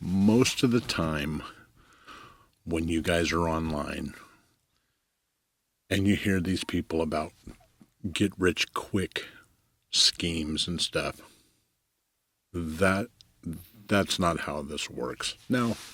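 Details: Adult male commercial photographer who says he stutters; long pauses and fragmented phrases; stuttering.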